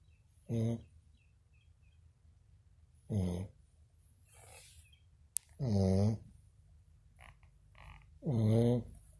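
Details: Short, low, buzzing snorts recurring about every two to three seconds in a quiet room, with soft breathing between them: snoring.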